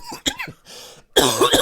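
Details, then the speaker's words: Smoker's cough in an adult after 27 years of smoking weed: harsh, rough cough bursts after a few throaty vocal sounds. "you can't hear my ass coughing it's because after 27 years of smoking weed I finally got that smoker's cough going"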